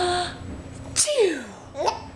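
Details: Single sharp sneeze from the mother, followed by her infant son's brief laugh and squeal; sneeze.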